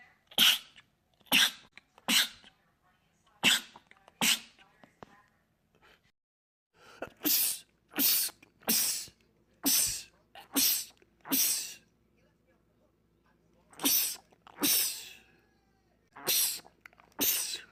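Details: Male sneezer, part of a compilation of rapid sneezing attacks: about fifteen forceful sneezes fired off in quick bursts with brief pauses, a rapid, repeated sneezing attack.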